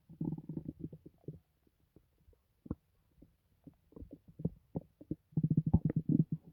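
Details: Low gurgling and bubbling rumbles in irregular bursts with quiet gaps: loud stomach growling, ordinary bowel sounds; the person says it doesn't hurt.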